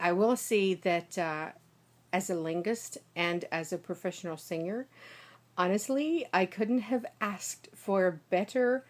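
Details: Woman, a native American English speaker, linguist and singer, had a small ischemic stroke and was recorded 6 days later. Initially heavy Eastern Russian accent, now lighter, generally European, shifting Irish when passionate: foreign accent syndrome.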